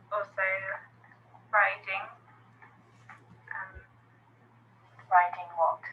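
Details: Post-stroke aphasia in a woman in speech therapy, word-finding difficulty, few words, agrammatical sentences, interviewer also speaking; non-fluent aphasia.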